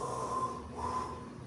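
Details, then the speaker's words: Imitated normal vesicular breath sounds in a respiratory class: soft, steady breathy airflow with a faint steady hum behind it, inspiration heard fully and only a third to half of expiration heard. "solamente se escucha un tercio o la mitad de la expiración."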